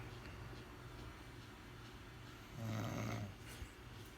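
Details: Adult woman snoring in her sleep at night, reportedly every night and loud enough to wake the household: a steady low breathing rumble rising into one loud, rattling snore, then settling.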